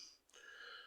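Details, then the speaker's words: Person with a head cold and stuffy, congested nose: a brief airy sniff with a faint whistling tone through the blocked nose. "I got the code stuffy nose and uh just congested and all that stuff"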